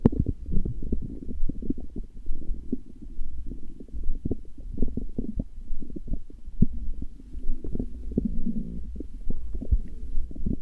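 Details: Stomach growling (borborygmi): low, bubbling gurgles and rumbles from the belly, irregular and continuous.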